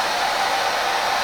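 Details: Clearway cough assist machine giving mechanical insufflation-exsufflation via tracheostomy to a patient recovering from a chest infection after complications of deep brain stimulation surgery, delivered in a three-to-one ratio: steady, airy rushing as a breath is delivered.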